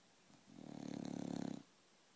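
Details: 22-month-old female bulldog, awake or half awake: one drawn-out, rattling, low snore-like breath lasting about a second; snoring.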